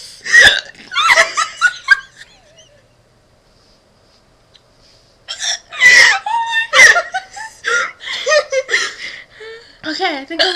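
Sharp, abrupt voiced hiccup catches from two adults, mixed with laughter and a pause of quiet.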